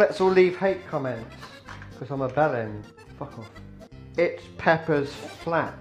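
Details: Person with Tourette syndrome cooking and speaking, with vocal tics and background music; vocal tics (Tourette syndrome).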